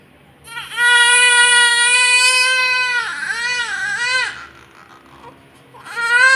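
Loud, sustained wailing cry with brief breaks for breath; a vigorous cry from a healthy newborn just after birth.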